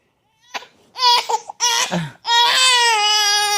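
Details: Newborn in his first month at home: short, high-pitched wailing cries building into a sustained cry; an ordinary newborn cry.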